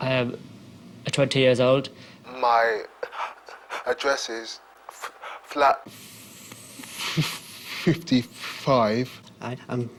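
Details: Stammering (stuttering) in a 20-year-old male student on the McGuire stammering course, heard introducing himself before learning the technique.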